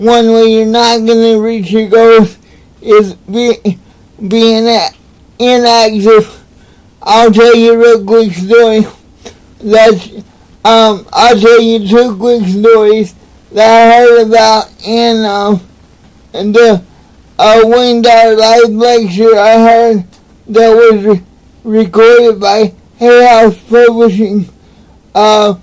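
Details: Adult man with cerebral palsy; dysarthria.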